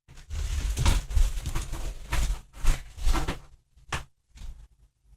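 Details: A coughing and spluttering fit from a man who is sick and out of breath: about eight harsh coughs and throat clearing, trailing off into quieter hacks.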